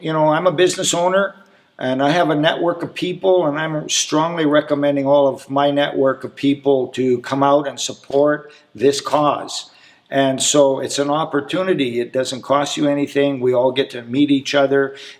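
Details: Adult speaker; ordinary speech.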